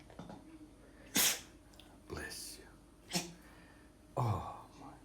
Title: Dachshund Archi_Just sneezing